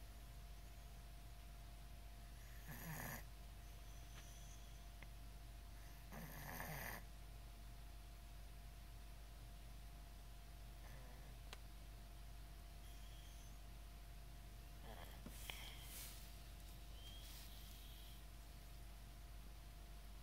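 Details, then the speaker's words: Ninja, with sniffles that began Thursday: quiet snuffly, snore-like congested nasal breaths at irregular intervals over room hum. "Sounds like you got sniffles. Poor thing."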